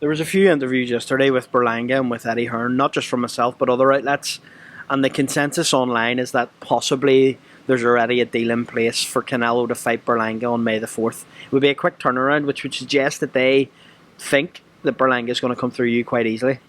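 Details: Adult male speaker; normal fluent speech.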